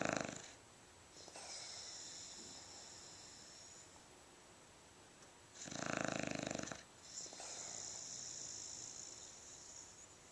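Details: Snoring during sleep: slow, rough breathing with noisy fluttering on both in-breath and out-breath, two full cycles.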